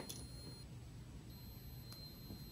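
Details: Faint, steady high-pitched tone with a brief break from an apex locator during root canal working length measurement, signalling the file sits just short of the root's apical constriction.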